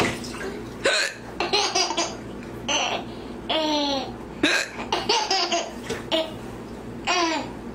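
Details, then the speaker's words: Adult woman (a mother) with hiccups: abrupt, sharp, voiced hiccup catches repeating irregularly, about one to two every few seconds, mixed with laughter; hiccups. "Eli mommy has hiccups what happens when Mommy hiccups mommy has hiccups it's"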